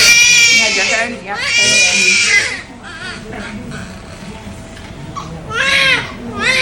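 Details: Newborn girl just after hospital birth under regional anesthesia, at term on her due date, weighing 3200 g (7 lb 1 oz) and measuring 19.5 in: loud, high, wavering cries in long bursts with breaths between, a vigorous cry.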